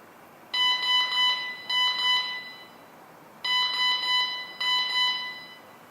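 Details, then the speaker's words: TD-2300 vital signs monitor SpO2 alarm, sensor reading 98% outside the set alarm range starting at 85: repeating high-pitched beeps in groups of three with faint room hiss, before being silenced. "the alarm has been activated because the range uh is reading 98% and it's outside of my alarm range therefore it has been activated"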